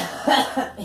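A short burst of coughing over a noisy background; a plain cough.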